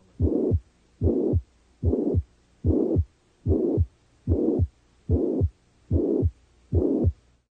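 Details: Regular heartbeat at about 73 a minute in an OSCE chest-pain case, with a steady blowing murmur filling the whole gap between the first and second sounds: a holosystolic mitral regurgitation murmur.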